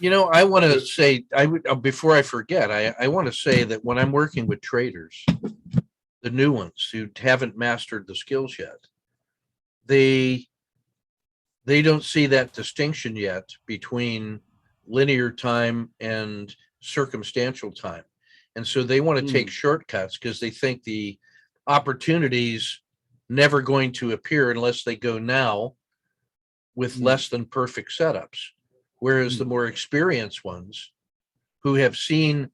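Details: Adult male speaker; normal speech.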